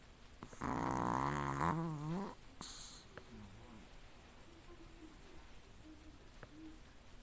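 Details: Pomeranian that snores all through daily sleep: a single loud, buzzing snore, then quiet breathing with faint squeaky noises; snoring.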